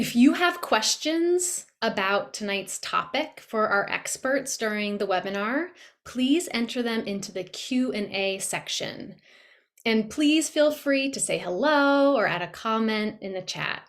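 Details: Adult woman; typical speech.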